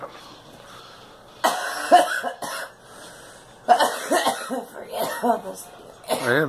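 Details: A girl gives several short, harsh coughs with brief throat-clearing sounds in between.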